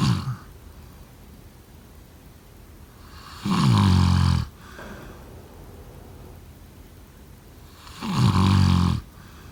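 Loud, low, rattling snores on each breath in, about every four to five seconds, with quiet breathing between. Ordinary sleep snoring.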